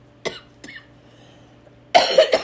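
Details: Adult woman who is under the weather, with chest and lung pain: two short, quiet throat-clearing coughs, then a louder burst of two or three harsh coughs in a small room.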